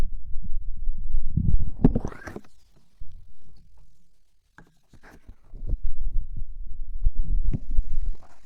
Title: ADMR stomach noises (stomach sounds) stomach growling